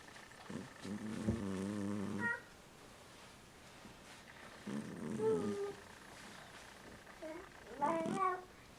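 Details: A sleeping cat snoring loudly: three drawn-out, whistling, wavering snores on the in-breath, about every three to four seconds.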